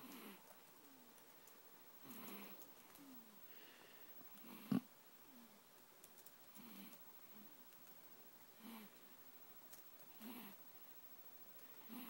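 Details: Soft, rhythmic snoring breaths from a sleeping cat, about 30 a minute, with one brief click in an otherwise quiet room. Finding: snoring.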